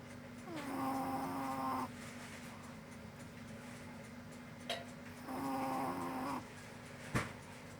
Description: I finally managed to capture this moment of Cuddlebuns snoring in her sleep😴😪🛌🛏